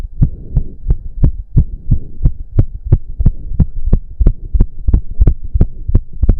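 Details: Male after a 15-minute intense cardio workout with heavy breathing: fast, strong, regular thumping heartbeat about 175 per minute over a low hum, which the man himself put close to 200 bpm; exercise-induced sinus tachycardia.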